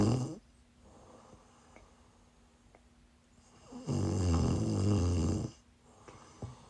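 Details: Live-streamed sleep recording of a sleeper who is sick: a loud, low rattling snore lasting over a second on the in-breath, between quiet breaths in a small room; snoring.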